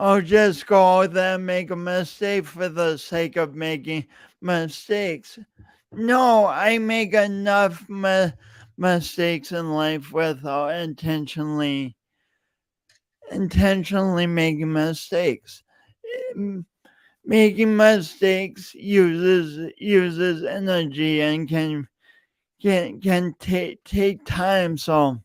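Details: Adult man with a self-reported speech impediment since junior high and high school, still present and audible whenever he speaks; stuttering.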